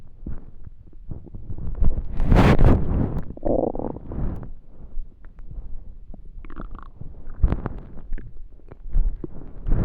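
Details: Extreme hunger stomach growling: loud gurgling, rumbling abdominal noises with irregular bursts and a higher squeal; bowel sounds (borborygmi).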